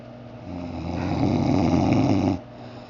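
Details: Adult man snoring in sleep: a single loud, low, rattling snore lasting under two seconds, building then stopping abruptly.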